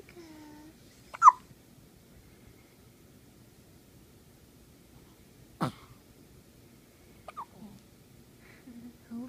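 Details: Hiccups: a few brief, sharp catches of breath spaced seconds apart in a quiet room, with faint vocal sounds between.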